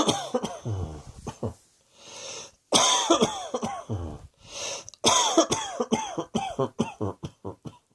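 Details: Repeated coughing in clusters of short, harsh bursts with brief quiet gaps, some with a rough, throaty quality; cough.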